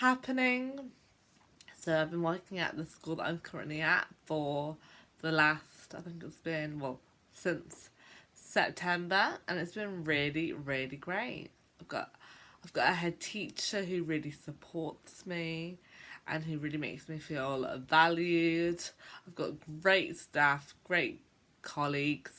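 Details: Adult woman who describes herself as a stammerer, speaking on what she calls a bad day for her stammering; stuttering.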